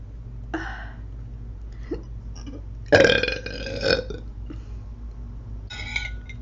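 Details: A young woman burping while eating: three burps, the middle one long and loud, which she calls a little frog burp, over steady background hum.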